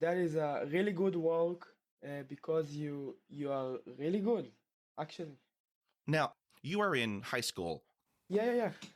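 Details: Stuttering in a male 12th-grade high school student from Israel who has stuttered since about age two; the stutter returned after two years of fluency.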